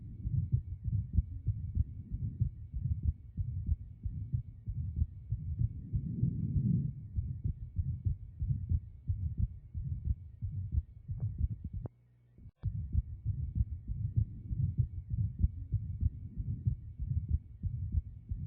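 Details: Stethoscope heart sounds at about 97 a minute with a low murmur; atrial septal defect (ASD).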